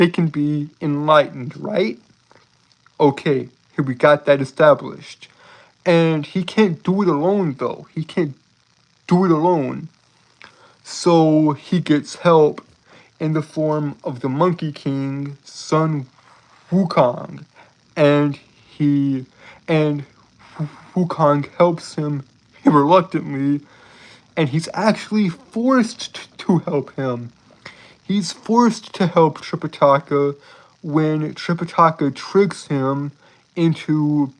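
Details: Adult male streamer with a self-reported speech impediment, with frequent word and phrase repetitions; speech disfluency (self-reported speech impediment).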